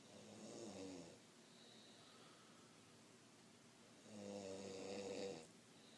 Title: Snoring lowd